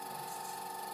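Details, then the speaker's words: Wall suction machine is turned on and checked before sterile tracheostomy suctioning of a patient with respirations of 30 and O2 saturation of 94% on humidified air, with a nonproductive cough; steady mechanical hiss and constant whine. "I'm going to now connect the suction tubing to the suction on the wall I'm going to check I'm going to turn on my machine"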